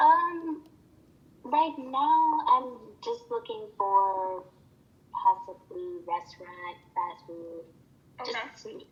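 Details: Acted stuttering in a role-played client, acquired after a stroke about three months earlier, with word-finding difficulty.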